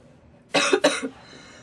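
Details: Girl coughing while smoking tobacco: two quick, harsh cough bursts in a quiet room; cough.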